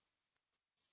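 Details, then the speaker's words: Normal triphasic arterial Doppler pulse from a healthy artery during ABPI assessment, heard via headphones: silence, then a brief whooshing pulse with forward and reverse flow, rhythm like a train, da-da-da. "Okay, so that's a nice healthy artery. So it's like a train, da-da-da, da-da-da, da-da-da."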